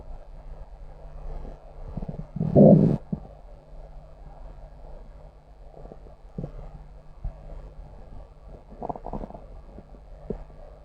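Low gurgling rumble with one louder growl among quieter bubbling; ordinary stomach growling, a normal bowel sound.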